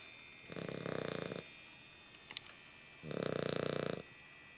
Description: Our puppy Nell really snores. Here is audio proof.